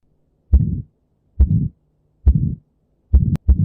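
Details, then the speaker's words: Aortic stenosis heard by stethoscope: regular heartbeat near 69 a minute, each first sound followed by a harsh rushing systolic murmur. "اما بقى لو حصل ديك في الصمام الاورتيسمع الصوت"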